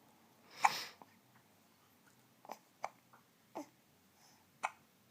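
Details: Person with hiccups while trying to talk: a breathy burst, then four or five brief, sharp hiccup catches about a second apart.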